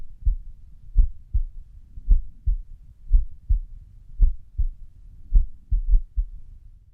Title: 安静時の不整脈心音 -Resting irregular heartbeat sound-